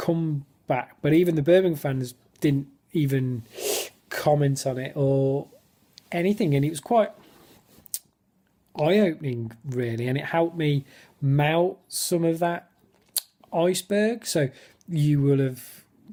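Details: Male stammerer in spontaneous speech in a football fan-cam interview, with his speech technique gone; he describes lots of blocks and clearly overt stammering; stuttering.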